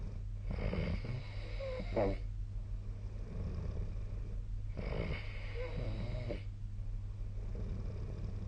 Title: 🐽 本日のイビキ / Snoring Sleep Sound 2025/03/09